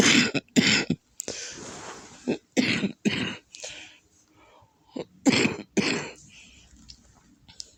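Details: Person with lupus flare and congested lungs, coughing to the point of vomiting: about six harsh, wet productive coughs in clusters with rattling, gurgly breaths between, bringing up mucus.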